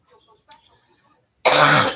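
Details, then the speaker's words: After near silence, a single harsh, dry cough or throat-clearing burst, attributed by the adult patient to acid reflux, not the lungs, with a persistent urge to swallow; patient has gastroparesis and is undergoing a study at home. "That's not >> from my lungs. That's from acid reflux."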